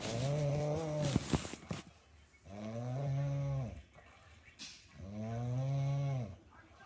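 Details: Snoring: three long, low, voiced snoring sounds with a breath-like gap between each, roughly 24 per minute; snoring.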